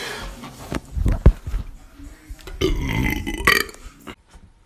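A deep, rumbling belch followed by a second rising one, with faint background music. Loud burping.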